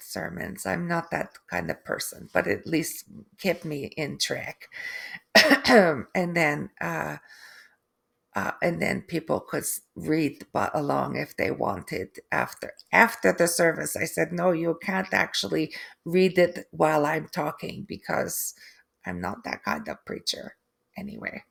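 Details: Adult woman, third-generation Canadian, after a stroke: aphasia with difficulty putting sentences together and inability to write, apraxia of speech, and foreign accent syndrome beginning 3 months post-stroke; she feels she now sounds East European.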